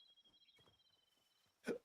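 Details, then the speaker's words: Person hiccuping while talking during a live stream, annoyed at still having hiccups: one short, sharp hiccup burst at the end after quiet room noise and a faint steady tone; hiccups. "Damn it! Why am I still hiccuping?"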